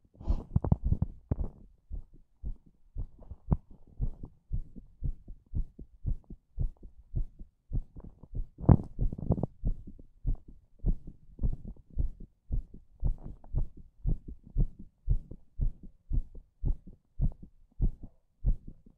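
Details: Strong heartbeat: deep, regular thumping at about 56 beats a minute, with clear paired beats throughout.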